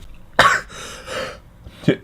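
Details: Male streamer, described as having allergies, sneezing on stream: a sharp explosive burst with a short airy follow-through, then a second smaller burst; sneeze.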